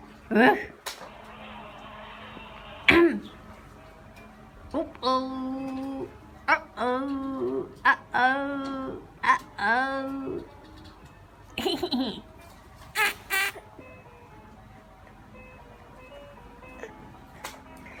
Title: Cute baby laugh at mom's coughing